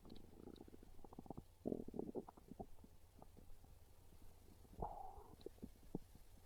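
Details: Low gurgling and rumbling from the belly with bubbly bursts; ordinary hunger stomach growling.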